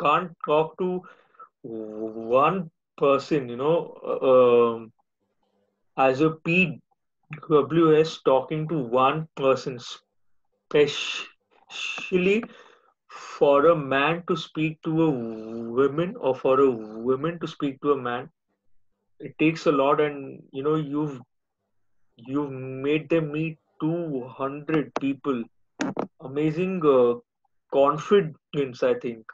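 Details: Adult man speaking; speech.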